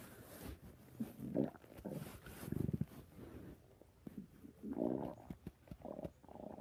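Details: Adult's stomach growling: low gurgling rumbles and squelchy bubbling bursts coming and going over several seconds; borborygmi.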